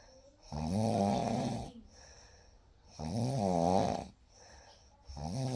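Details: Real night recording of gentle, steady snoring, soft rumbling snores on each inhalation at about 25 per minute in a quiet room.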